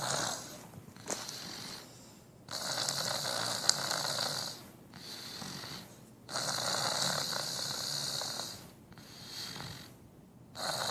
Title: Me snoring soothingly